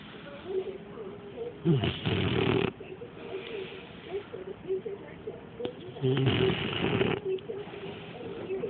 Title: snores like a beast!